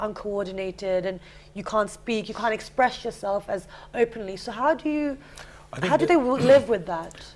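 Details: Adult woman speaking; typical speech.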